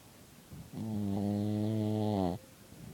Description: My Dog Snores in my room